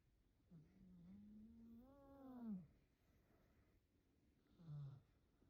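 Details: Snoring from Pickle, who is snoring really loudly.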